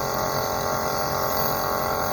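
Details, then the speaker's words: Nebulizer compressor running after home repair of its vacuum pump, now working with air coming out: steady mechanical hum and buzz of a small pump running continuously. "मैंने इसको बिजली के अंदर लगा दिये आप देख सकते हैं पहले इस की आवाज कैसी चाहिए अब इस की आवाज कैसी है"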